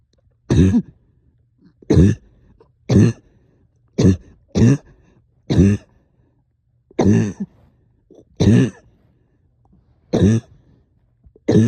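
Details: Ten deep, loose, rattly coughs about a second apart during a night of coughing with sticky phlegm, heavy chest and headache; productive wet cough.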